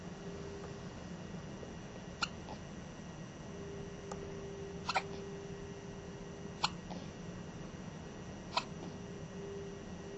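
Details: Newborn baby's first night in hospital, heard days after hiccups were seen in the mother's belly: four sharp, clicking hiccups about two seconds apart over a steady background hum; hiccups.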